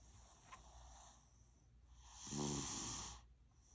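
One rough, rattling snore on a breath in from a sleeping young child, against quiet room noise; ordinary snoring.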